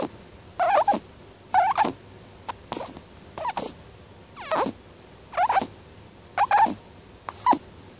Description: it's my lovely bunny snoring sound !!